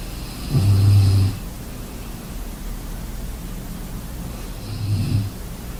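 Deep, loud low-pitched snores, two in six seconds, with quiet breathing between; ordinary sleep snoring over steady background hum.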